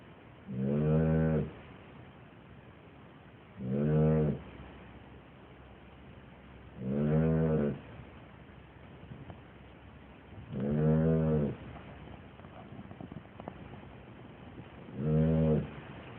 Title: Dog snores like CRAZY!!!!!